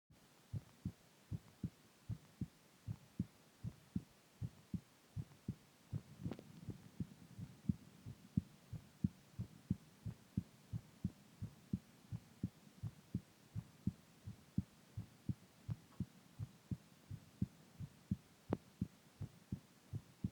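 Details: Steady, regular, low thumping heartbeat at roughly 80 to 85 beats a minute, with a faint background hum.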